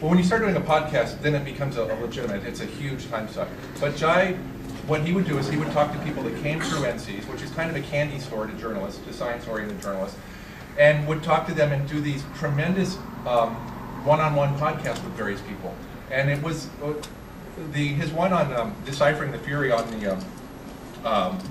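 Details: Adult male speaker; ordinary speech.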